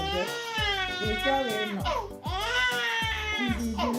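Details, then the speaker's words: Two long, rising-and-falling cry bursts with a short breath between them from an infant girl during maternity leave, over background music; caregiver unsure whether she is hungry: infant crying. "don't cry. Say hi, Grandma. Are you hungry? You hear the baby crying?"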